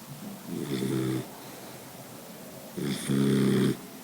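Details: Boxer dog snoring loudly: two rough, buzzing snores with a short pause between them.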